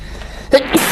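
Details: A single brief, sharp sneeze burst over background room noise.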